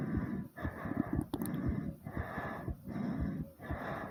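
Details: Heavy breathing after doing squats to near exhaustion, with fast heartbeat: fast, heavy, noisy breaths in quick succession during recovery from exertion.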